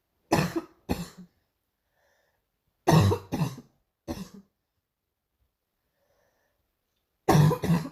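Repeated cough bursts in clusters of two or three, seven coughs in about eight seconds, with quiet pauses between; a recurring morning cough.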